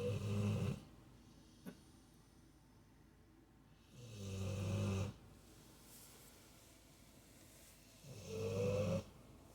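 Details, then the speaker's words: Sleeping female dog, Remy: loud, low rumbling snores, three in about ten seconds, roughly 15 a minute, with quiet pauses between; loud dog snoring. "Remy, you snore really loud, big girl."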